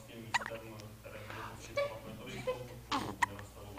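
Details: Infant with hiccups giving short, sudden hiccup sounds.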